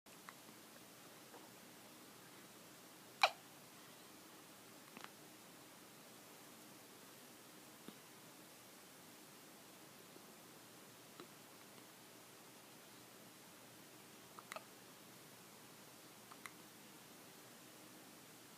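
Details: Hiccups: about six quiet, sharp hiccup clicks at irregular intervals, roughly every two to three seconds, in a quiet room.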